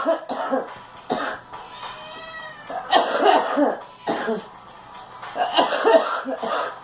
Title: Girl coughing